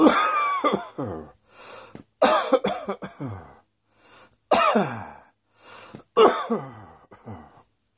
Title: Cross Dressing Coughing 84